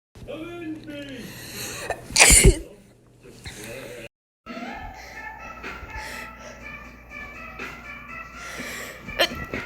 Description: sneezing for views since '01.